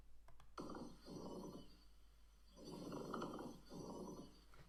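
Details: Lung auscultation with a stethoscope in a teaching recording, done symmetrically over the right and left chest on a patient wearing a finger pulse oximeter: pleural friction rub.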